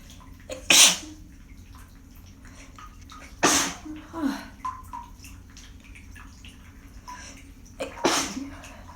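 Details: Series of sneezes after holding sneezes back, in a steamy room while stuffed up; described as fairly tame.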